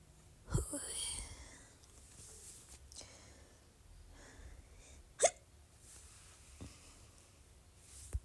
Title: Croack sounds R-CPD and some little burps (with some hiccups)